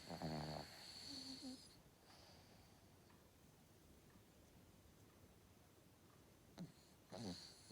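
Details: Cavalier King Charles Spaniel dog snoring in sleep: a few rough, rattling breathing sounds in a quiet room, separated by a long pause.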